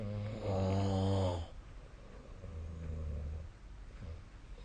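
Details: Snoring during sleep: a loud, low rattling snore on one breath, then a softer rumbling snore on the next, with quiet room noise between.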